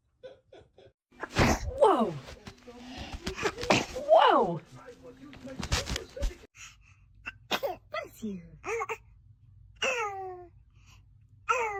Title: Newborn sneezing 🥰🥰 #baby #family #sneezing #cute #funnybaby